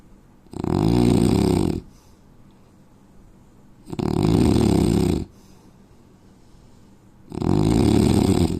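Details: Indian man's loud, low, rattling snores, three in about nine seconds (roughly 18 breaths a minute), with quiet breathing between them: heavy snoring.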